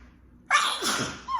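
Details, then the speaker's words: Woman with an allergy sneezing fit: sharp inhaled catch then one loud explosive sneeze with trailing voiced tail, among repeated big sneezes. "oh sorry i keep having these big sneezes i can't help it"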